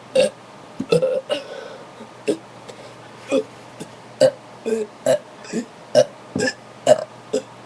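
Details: Run of about a dozen short, rhythmic burps, roughly one a second, over a steady low hum, recorded in a bathroom after drinking soda; repeated belching.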